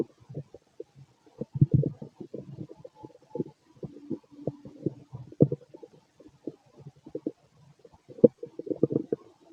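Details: Adult male at night, gassy after eating a lot earlier: frequent bubbly gurgles and popping rumbles in quick clusters; borborygmi.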